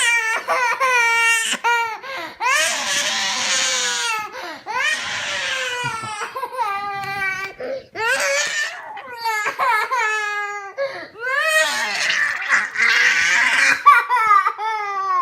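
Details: Young child crying while a caregiver asks what's the matter and offers juice, with background music: loud, sustained crying in rising and falling wails with sobbing breaths between.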